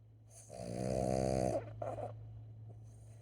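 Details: A drawn-out, buzzing snore on the in-breath, then a shorter snort, against a steady low hum, from a sleeping Boston dog; snoring.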